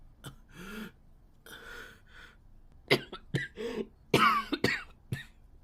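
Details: Japanese boy coughing: a run of about seven sharp, dry coughs with throat clearing and short breathy breaths between them.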